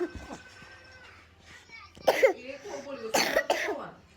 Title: coughing